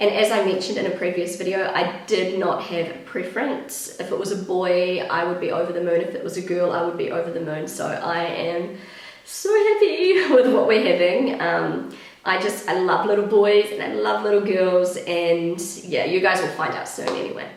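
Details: Pregnant woman with a habitually croaky, crackly voice that she says worsens whenever she is pregnant, blaming the pregnancy; she is also slightly out of breath; vocal fry (creaky voice).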